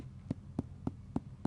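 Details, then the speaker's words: Abdominal examination percussion: five quick, short taps with a flat, damped thud, a dull note contrasted with the expected resonant note. "I would expect all regions to be resonant like this rather than"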